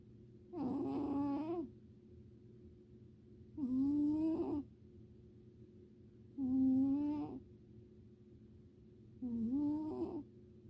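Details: Snoring in a sleeping cat: soft, regular, humming snores about 21 a minute over a low room hum.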